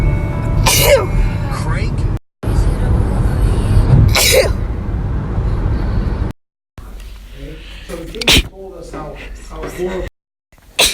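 Several loud, sharp bursts of air, each a sudden explosive sneeze, with some background noise and music between them.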